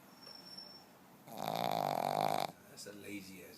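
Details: Overweight pug snoring while asleep: a single loud, rattling buzz on one breath, about a second long, between quieter breathing.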